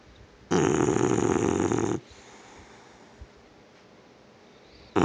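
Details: Snoring while worn out from running: one loud, rough, fluttering snore of about a second and a half, then soft room hiss.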